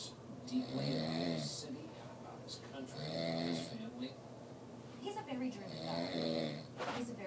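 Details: Adult man, a friend's father who claims he doesn't snore, snoring: loud rattling snores about every 2.5 seconds, roughly 24 breaths a minute, with quieter breaths between.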